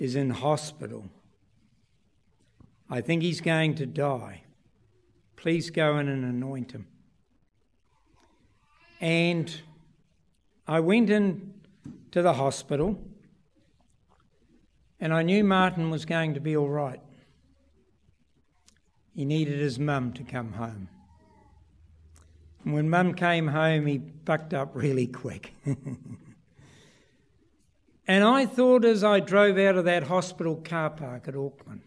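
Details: Adult man speaking; typical speech.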